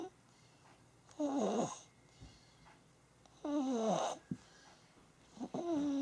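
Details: Baby snoring: short, whistling, falling-pitch snores recurring about every two seconds in a quiet room.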